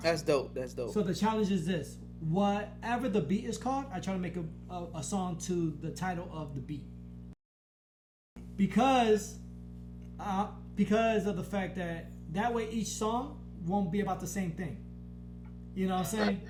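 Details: Man who has stuttered since growing up, much worse after blast-wave brain injury during military deployment; he stutters in conversation but not when rapping; stuttering.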